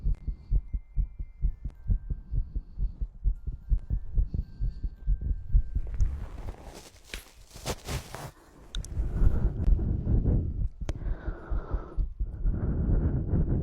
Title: Clicking tongue mouth sounds heartbeat sound and ear cleaning